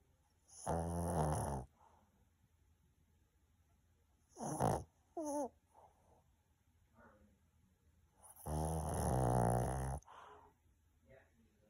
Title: Sleeping Snoring Dog. He’s Keeping Me Up!